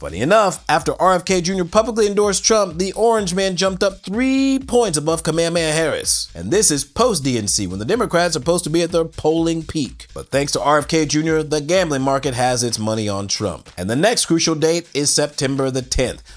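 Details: Adult male narrator; normal voice.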